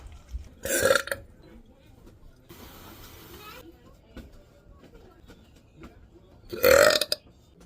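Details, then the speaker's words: Two loud, brief burps a few seconds apart, with quiet room noise and faint talk between them, from a girl during kitchen cleaning; burping. "good job girl are you making the burp"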